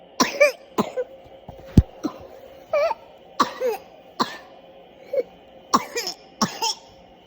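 About ten short, sharp cough bursts over seven seconds, some with a throaty rasp, in a small room.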